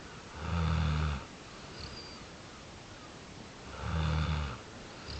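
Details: Snoring: two low, buzzing snores about three seconds apart, with quiet breathing out between; steady snoring.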